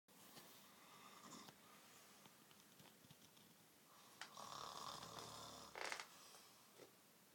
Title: Real snore